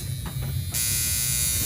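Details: NuDerma high-frequency skin therapy wand used on an adult woman's scalp at home: steady electric buzzing with a sudden hissing rise as it switches on or touches the scalp.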